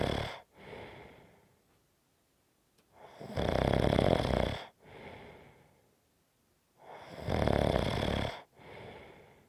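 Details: 5.5-minute clip of loud, rattling heavy snoring in repeating cycles, each harsh inhaled snore followed by a softer breath out; the snoring fades, grows stronger, and fades again.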